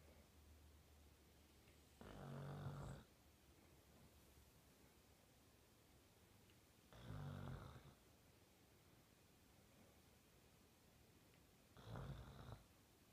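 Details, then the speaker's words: 18-month-old Labrador sleeping and snoring: three low, rumbling snores about five seconds apart, roughly 12 a minute, over quiet room noise. "Max, stop snoring. Max, stop snoring. Max, stop snoring."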